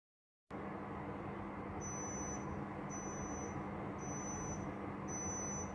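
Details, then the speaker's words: Bedside role-play nursing vital-signs demonstration on an adult female client: four short high-pitched double beeps from a digital thermometer over room hum, signalling a completed reading of 36.54 °C, normal (normal range 36.2–37.2 °C). "kemudian kita akan memeriksa suhu klien suhu normal manusia berkisar antara 36,2 derajat celcius sampai dengan 37,2 derajat Celcius"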